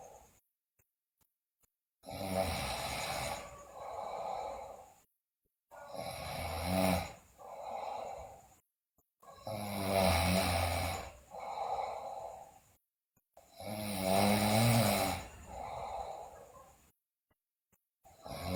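Loud snoring in repeated bursts, each a harsh inhaled snore followed by a softer breath out, about 14 breaths a minute.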